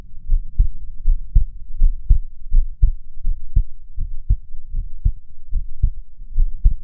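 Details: Nearly unedited recording of a person's own heartbeat, steady paired low thumps at about 78 beats a minute, with a soft low hum; the person breathed slowly to keep the rate down; normal heart sounds.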